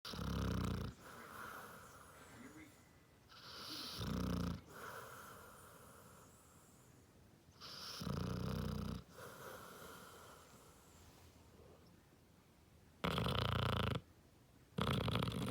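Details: Basset hound snoring loudly: rough, repeated low rumbling bursts about one every four seconds, with quieter breathing between them.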